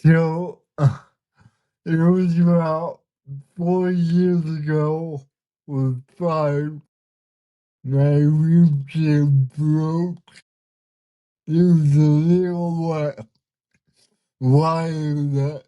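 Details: 32-year-old man with cerebral palsy whose body resists him, making communication hard at times; listeners found him hard to understand at first; dysarthria.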